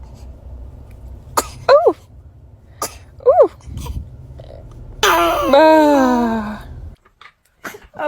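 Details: A baby gives three quick, sharp sneezes with short voiced sounds between them, then a longer falling whine; normal infant sneezing.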